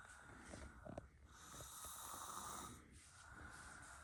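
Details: Female sleeper hogging the bed while asleep: a brief snorting, rasping breath over steady background hiss; snoring.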